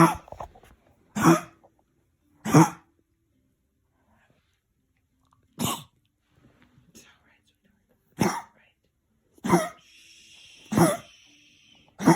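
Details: Small dog with kennel cough during a nighttime attack that disrupts her sleep: about eight sharp, dry, hacking coughs in separate bursts.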